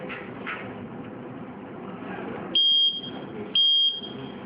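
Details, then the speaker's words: Two short, loud, high-pitched buzzer beeps about a second apart over room and motor noise from a student-built alcohol detector with a TGS 2620 gas sensor in the bottle cap, signalling the measurement result (0.0%). "setelah tampil bazar akan berbunyi dan hasilnya 0,0% sesuai dengan yang kita inginkan"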